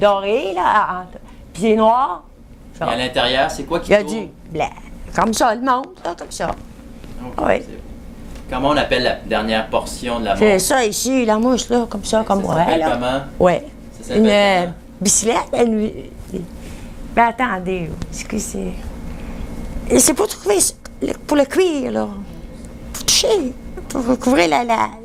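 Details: Real clinical aphasia exam of an adult woman: mixed aphasia with impaired comprehension and production, fluent output, semantic and phonemic paraphasias, circumlocution, word-finding difficulty, impaired repetition and subtle comprehension problems.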